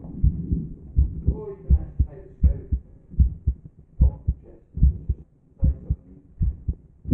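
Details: Normal heartbeat of an American female, heard through a stethoscope and filmed in London: regular low thumping at about 74 beats per minute with some rubbing noise.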